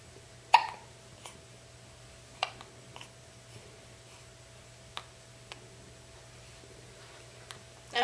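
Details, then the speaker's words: Eight-day-old baby boy with hiccups while being bounced by his grandmother: sharp, abrupt hiccups at irregular intervals in a quiet room, about six over eight seconds. "Let's do this the right way. Yeah, he's already got the hiccup stuff going."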